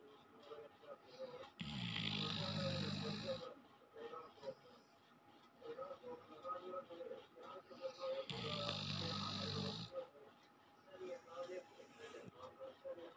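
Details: Sleeping Doberman dog snoring: two long, rumbling snores about seven seconds apart, with music and room sounds in the background.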